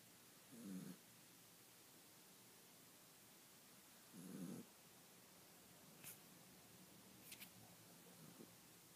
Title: snoring